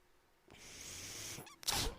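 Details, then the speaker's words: Mechanical ventilator sound during speech: the speaker's own ventilator gives a breathy hiss of airflow, then a sharper puff of air, while he introduces his podcast. "my name is brennan maher that noise you're hearing is my ventilator and welcome to paige turners they were not my star wars podcast"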